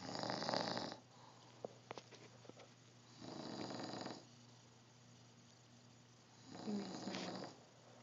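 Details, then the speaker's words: Sleeping adult man snoring loudly: three loud, rasping snores, each about a second long, separated by quiet pauses over a soft background hum. "Beware of the dreaded sleeping, snoring frog. As you can see, he's very loud and very tired."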